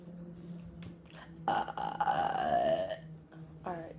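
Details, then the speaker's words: Person's single loud, drawn-out belch of about 1.5 seconds, then a short voiced sound, over low room hum; deliberate burping recorded on a phone. "um I'm going to be doing a uh burping one"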